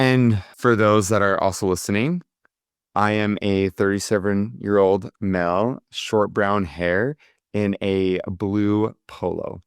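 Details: Adult man speaking; Normal adult male speech.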